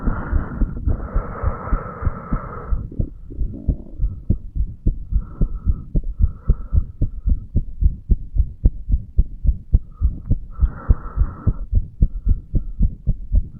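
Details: Heartbeat of a 35-year-old male recorded by stethoscope at the bicuspid/mitral valve area: steady, rapid lub-dub with soft rushing between beats.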